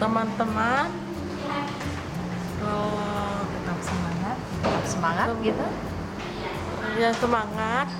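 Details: Adult woman speaking; normal speech.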